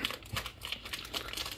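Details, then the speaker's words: Zoll X Series Advanced monitor printing the result of an AED shock test at 30 joules into the supplied test device: rapid clicking, buzzing print-head sounds as the strip shows pass or fail and the time. "the printer on your test and it's going to say if it either passed or failed and what time it did"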